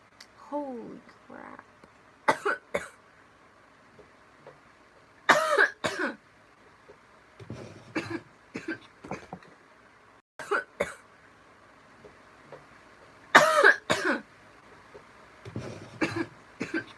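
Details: Girl who says she is crossfaded and on an antidepressant, burping while drinking: a prolonged coughing fit, with repeated harsh cough bursts and throat clearing coming in clusters over several seconds.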